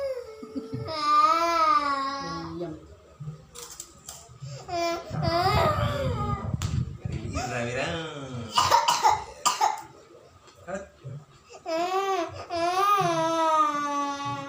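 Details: Young child, ill with flu and cough, crying loudly with a few short coughs breaking through the crying during a traditional massage.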